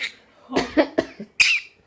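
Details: Pyrrhura parrot gives several short, rough, cough-like bursts ending with one sharper explosive cough; cough-like vocalization.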